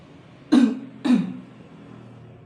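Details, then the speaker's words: Two strong deliberate coughs about half a second apart in a quiet room; simulated nursing demonstration of effective cough: three deep breaths held then exhaled by mouth, two hard coughs, leaning forward to expel sputum into a pot. "Kemudian Bapak batuk sekencang-kencangnya selama dua kali Kemudian Bapak mencondongkan badan terus bapak mengeluarkan sputum ke dalam pot"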